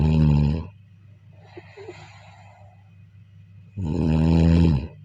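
A low rumbling snore ending, a soft exhale, then another loud rattling snore; ordinary snoring.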